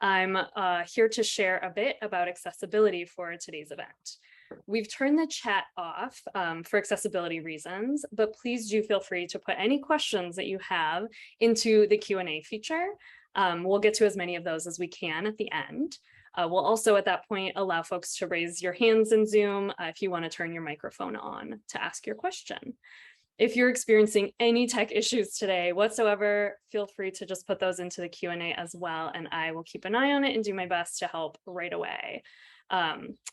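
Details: Adult woman; typical speech.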